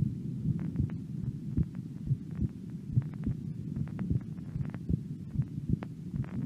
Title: 18 years old female resting heartbeat